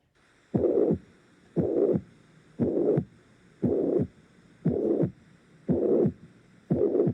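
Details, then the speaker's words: Demonstration of a mitral regurgitation murmur as a mechanical complication of acute myocardial infarction (severe mitral regurgitation, late systolic or holosystolic): a steady blowing murmur filling each systole at about 58 beats a minute. "Voy a presentarles ahorita cómo se escucha un soplo en insuficiencia mitral."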